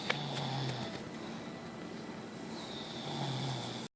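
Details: Two short, low, fluttering snores separated by a pause from a sleeping mother, recorded by her 6-year-old child, with music and room noise; snoring.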